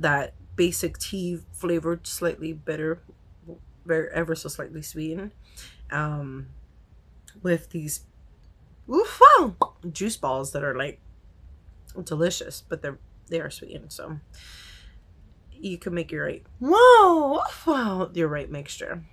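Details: Vocal tics in a woman with Tourette syndrome, hard to control especially on camera, with outbursts such as "wow", "whoa", "boom" and swearing; she has not yet started new medication.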